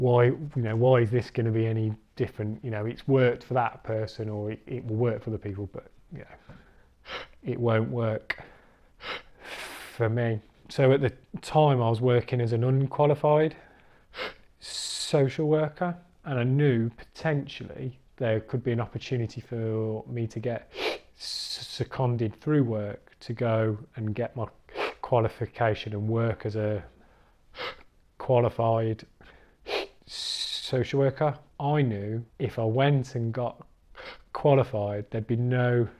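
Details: Adult recovering stammerer who has completed the Starfish stammering course; stammering (stuttering).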